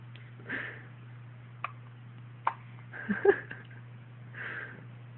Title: Twin hiccups